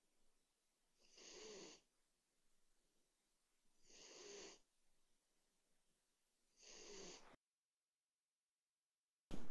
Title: Chewy Snores (ASMR)